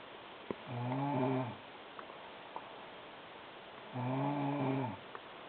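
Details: Sister snoring loudly in sleep: two low, rattling, buzzy inspiratory snores about three seconds apart, with quiet breathing between.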